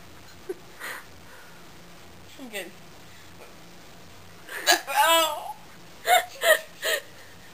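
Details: Woman who had been hiccuping for about a minute before recording: a few sudden, sharp vocal catches in quick succession amid soft voices and room hum: hiccups.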